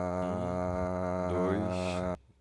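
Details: Normal deeper adult male voice, sustained vowel and counting, with videolaryngoscopy and ENT report suggesting normality and AVQI/ABI within expected range; prolonged fricatives noted.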